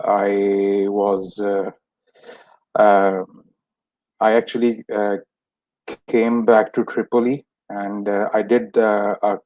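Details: Adult who has stammered since age 6, with many speech therapies that did not help; stuttering.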